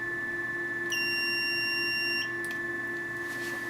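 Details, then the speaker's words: Steady high-pitched electronic tone lasting about a second over a constant hum: the Venus Viva radiofrequency skin-rejuvenation handpiece's beep marking a completed pulse during facial treatment of the upper lip. "you'll notice the light on the candy felt light up and tells me when it's complete but the sound also tells me when the pulse is complete"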